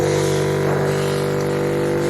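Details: Suction machine running during nasal suctioning of a young triplet, with water suctioned afterward to clear the tubing: steady loud motor drone with a constant low hum.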